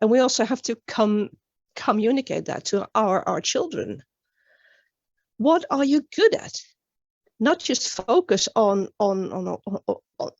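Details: Stuttering in a woman from Sweden, an international stuttering advocate, with word and part-word repetitions heard during a conference talk; finding: stuttering.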